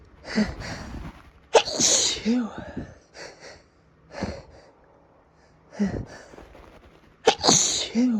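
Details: Repeated sneezing, apparently produced on request: several sharp, explosive sneezes, some with a breathy lead-in, with sniffles and snorts between them.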